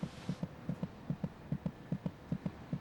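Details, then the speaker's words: Fetal heartbeat at 26 weeks of pregnancy. The female fetus's heart beats about twice as fast as her mother's, sounding more like a vibration; the rhythmic beats are a fetal heartbeat. "fetus's heart beats about twice as fast as her mother's monitoring the baby's heartbeat gives a good indication of her General condition yeah it's more of a [Music] vibration"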